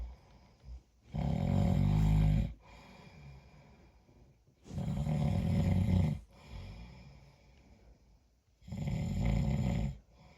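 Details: Snoring tonight: three loud, deep rattling snores on the in-breath, about 4 seconds apart, with quieter breathing out between them.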